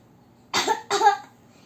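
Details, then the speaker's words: Child (school class B1) demonstrating how to cough properly for COVID-19 prevention: two short, acted coughs. "Saya ingin menjelaskan saya pengen menjelaskan cara batuk yang benar sama bersin yang benar."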